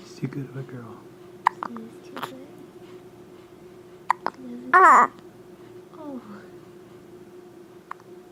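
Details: Infant girl with hiccups just after a bath: several short, sharp hiccup sounds amid soft cooing and adult murmuring.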